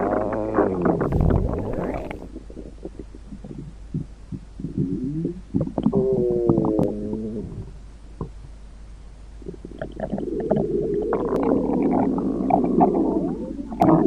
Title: The Sound Of Stomach Growls (Weatherradio Canada CRS-Ified) @StingyNewBrunswickHPT